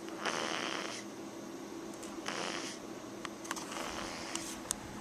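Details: Max (Maxwell) snoring: rough, airy snoring breaths about every two seconds, with faint clicks and room noise between them.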